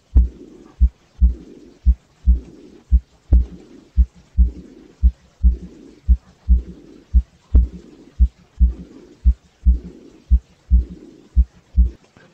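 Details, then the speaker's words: Aortic regurgitation: steady heartbeat near 57 per minute with a soft blowing early diastolic murmur after the second heart sound. "was interesting did you make out a uh early diastolic murmur"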